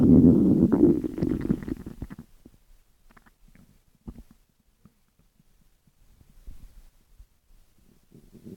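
A loud gurgling growl fades into scattered soft gurgles and pops: normal stomach growling.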